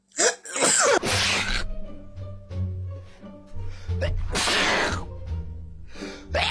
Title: Ranking The Funniest And Loudest Sneezes🔥